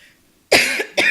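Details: Cough from a speaker on a live radio show who attributes it to allergies acting up, with her voice going out.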